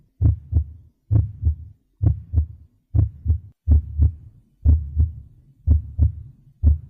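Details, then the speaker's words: Simulated virtual-reality auscultation of an adult across the cardiac foci to the mitral focus: crisp paired lub-dub sounds, regular in two beats at about 62 a minute, normophonetic. These are normal heart sounds. "Então esse paciente aqui ele tá totalmente normal certo ele tá com ritmo cardíaco regular em dois tempos e com bulhas normofonéticas"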